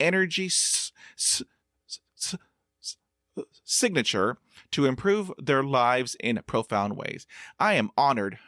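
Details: Stuttering in a 50-year-old man who practises meditation and breathing focus; audible part-word repetitions; stuttering.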